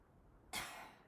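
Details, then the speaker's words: A single forceful cough after a quiet pause: a simulated braced cough after breathing in through the nose, demonstrated for a patient after chest surgery with the sternum opened, done in sets of about five to clear mucus. "breathe in through the nose and I want you to forcibly kick out and cough good let's go through a set of about five of these"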